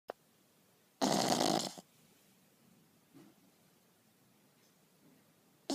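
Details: Pug snoring in sleep: one loud, rough snoring breath, then quiet room noise with faint breathing.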